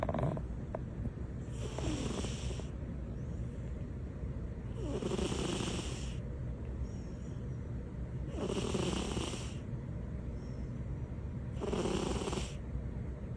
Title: Snoring cats